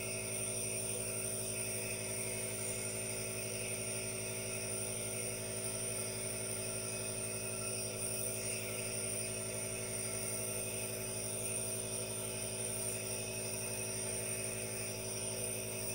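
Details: Aerosol nebulizer running continuously with no talking: steady mechanical hum with an even hiss.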